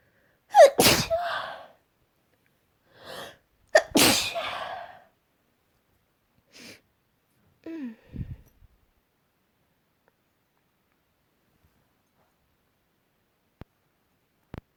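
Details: Repeated sneezing at home after working with wood and dust: two loud, explosive sneezes, each preceded by a gasping intake, then softer sniffs and breaths.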